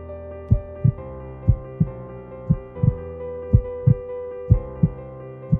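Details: Example of a mitral regurgitation (mitral insufficiency) murmur from a heart valve disease awareness campaign: regular paired heart sounds near 60 beats a minute over soft music.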